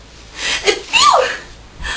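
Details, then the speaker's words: Imitated sneeze mocking a dainty, 'cute' sneeze likened to a hamster: a small, high-pitched, squeaky sneeze. "you have to have like those like preppy girls who like sneeze and they have to be all cute when they do it you probably sound like a freaking hamster"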